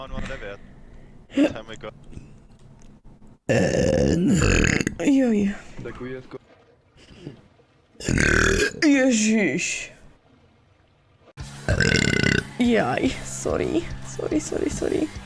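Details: Burping compilation: three long, gurgling belches separated by quiet gaps, with brief speech between them.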